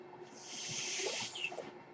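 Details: Speaker's own mechanical ventilator heard during podcast speech: soft airy hiss swelling and fading over about 1.5 seconds, a single delivered breath; mechanical ventilator breath cycle.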